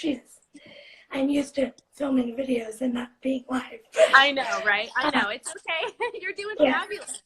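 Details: Adult woman speaking; speech.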